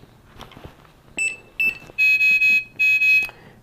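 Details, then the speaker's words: Shrill electronic alarm beeps, several short then longer tones, from a CareFusion ReVel transport ventilator switched on for a pre-transport circuit check, signalling external power loss, then silenced; ventilator alarm (external power loss). "going to generate a couple alarms here real quick so external power loss so I'm going to go ahead and silence that push it twice to get out of it"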